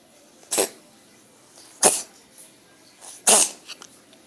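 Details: Three short, harsh, hissing bursts from a cat a few seconds apart, with quieter small sounds between; cat coughing.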